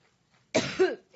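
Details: A single harsh cough burst from an adult woman speaking at a rally, with a throat-clearing quality, which she attributes to an allergic reaction.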